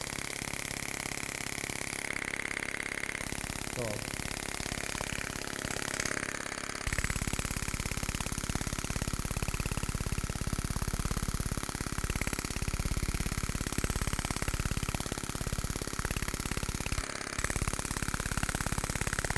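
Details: Storz Medical Spine-Actor transmitter on a radial shockwave device during muscle treatment; rapid regular mechanical tapping, about 3–4 pulses a second, over steady machine hum.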